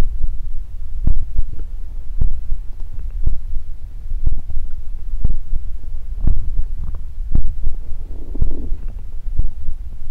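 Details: Close-up body ASMR recording of low gurgling rumbles and soft pops from the belly at irregular intervals; ordinary stomach growling (borborygmi).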